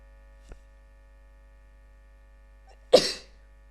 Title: sneezing 2